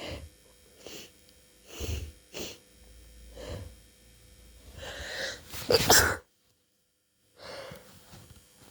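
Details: Sneezing attack during a cold.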